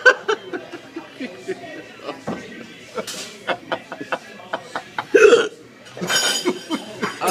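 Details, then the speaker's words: Man with hiccups trying to get rid of them with lime and sugar: repeated short abrupt hiccups, up to two to three a second, mixed with laughter. "good man I'm trying to not have the hiccups don't take pictures don't don't take pictures of me"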